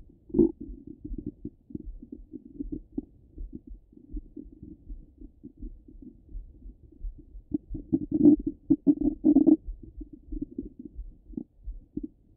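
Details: Stomach rumbling from a half-hour recording: continuous low gurgling and bubbling rumbles, louder in bursts, active bowel sounds.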